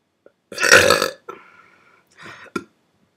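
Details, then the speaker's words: A person belching at about 5 a.m., burping for the first time in a while: one long, loud, voiced belch, then a shorter weaker belch and a small throaty burst; belching. "It's like 5:03 in the morning, and I'm belching. Hopefully, I don't wake my parents up."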